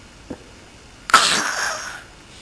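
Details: Young child fake sneezing in imitation after an aunt sneezed three times in a row: one brief, sharp sneeze-like burst after a faint vocal sound, a deliberate imitation rather than a true sneeze.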